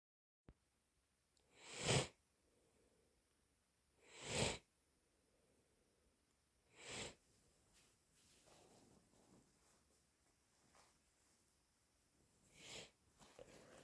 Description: Lots of sniffling and blowing from an afternoon of feeling totally stuffed up... ☹️☹️🤧🤧